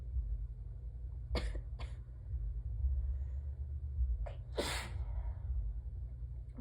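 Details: Person with allergies, peppermint in mouth and one small drop of blood on a handkerchief; four sharp sneezes in close succession, some short and strangled-sounding, against low room rumble: allergic sneezing fit.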